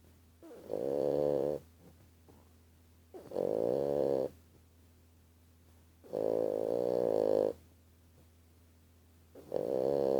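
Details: 5-month-old bulldog puppy snoring: four loud, rumbling, buzzing snores about a second each, separated by quiet pauses.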